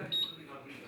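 A short high electronic beep as an oxygen concentrator switches on, followed by low machine hum.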